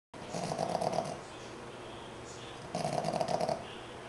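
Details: 5-month-old Boston Terrier puppy, tired and fast asleep, snoring: two fluttering, snorting snores with a quieter breath between them.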